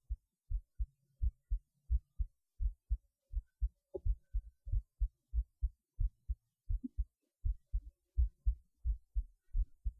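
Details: Steady lub-dub heartbeat at about 90 beats a minute, recorded through a cheap acoustic stethoscope, with a few faint rustles; heart sounds.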